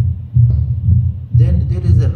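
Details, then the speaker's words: Pure uncomplicated mitral stenosis, auscultated at the mitral area: loud first heart sound, opening snap after the second sound, then low-pitched rough rumbling mid-to-late diastolic murmur louder in late diastole, presystolic accentuation. "rough murmur we call it low pitch rough rumbling murmur in the middle part of the destly and the late part of the desty and it becomes louder in the late part of the desty. We call it preystolic accentuation."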